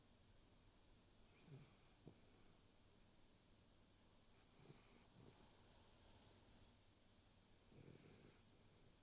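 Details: 10-week-old Labrador Retriever puppy snoring in sleep: soft, low snoring snorts recurring every few seconds, faint against steady background hiss.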